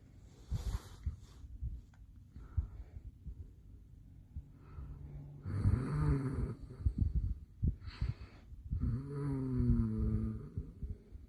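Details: Adult man asleep late at night, a habitual loud snorer: rough inspiratory snores with snorting and irregular breathing between; heavy snoring.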